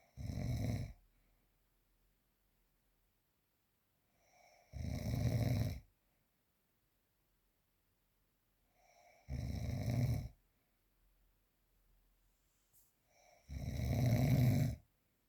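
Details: Four loud, rough snores at about 13 a minute in a quiet room, each with a faint lead-in breath; real, unprocessed recording of snoring during sleep.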